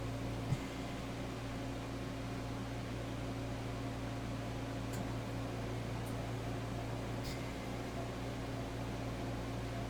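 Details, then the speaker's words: Home oxygen concentrator filling portable oxygen bottles for a man who uses oxygen: a steady low hum and whir with a faint click, running in a small room. "you hear a noise in the background I'm sorry it's my oxygen machine I had to fill some oxygen bottles"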